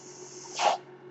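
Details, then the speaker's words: Single soft quarter-second hissing puff of air over a faint steady hum, from the speaker's own ventilator during podcast speech: mechanical ventilator breath. "My name is. That noise you're hearing is my ventilator"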